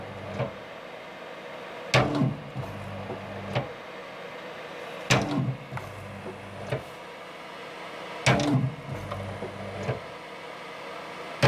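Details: DIY open-source ICU ventilator, a motor pressing an Ambu bag, with set inhale-to-exhale ratio, pressure and flow sensors, and pressure control/support modes: repeated mechanical clunks and motor noise about every three seconds, roughly 19 cycles a minute.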